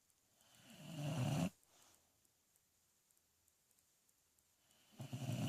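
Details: Loud, low, rattling snore building on the in-breath and stopping abruptly, with a quiet pause before the next; ordinary snoring.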